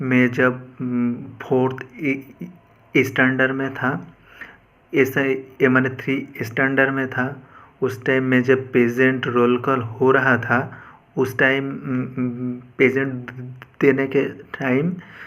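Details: 28-year-old man who has stammered for about 22 years since childhood, speaking Hindi (not his mother tongue) after 25 days of fluency training that he says has made him about 90% better; stuttering.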